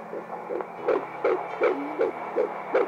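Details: Fetal heartbeat at 12 weeks 2 days of pregnancy on Doppler: rapid, regular whooshing pulses at about 160 beats a minute, the first time the parents heard it.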